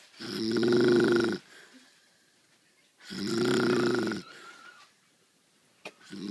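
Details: Mother deeply asleep after starting a new job at a doctor's office, her snoring heard from upstairs; two loud, rough, rattling snores about three seconds apart, separated by quiet pauses; snoring.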